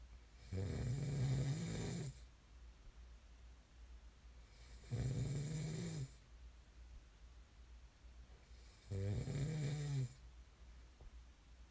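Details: Snoring ASMR recording: three low, rattling snores on the in-breath about four seconds apart, roughly 15 a minute, with quiet gaps between; snoring.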